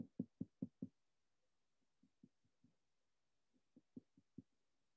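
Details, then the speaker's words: Finger-on-knuckle percussion down the back of a mannequin in a nursing health-assessment demonstration, comparing both sides: hollow taps in short groups giving a resonant note bilaterally, a normal finding. "and i am getting resonant findings on both sides of the patient so resonance noted bilaterally"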